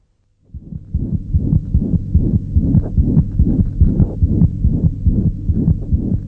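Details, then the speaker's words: Child heart auscultation in a pediatric cardiovascular exam: rapid heartbeat with a steady blowing murmur filling all of systole; holosystolic murmur. "you hear this holocystolic murmur in addition to the duration of a murmur we also judge its loudness on a scale of one to six"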